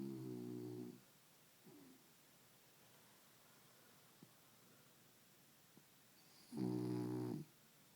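Two low, buzzing snores about six seconds apart with quiet breathing between, typical of a sleeping animal's snoring.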